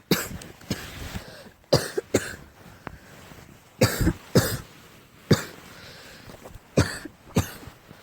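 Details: Repeated harsh barking coughs in short bursts, about nine over eight seconds, with throat clearing; barking cough attributed to cat allergy.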